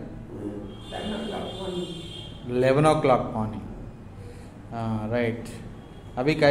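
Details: Adult male patient in speech therapy; Normal-pitch male voice after puberphonia therapy.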